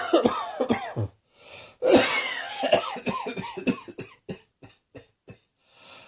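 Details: Cross-dressing person coughing: several short, sharp coughs in quick bursts, then smaller trailing coughs and breaths in a small room.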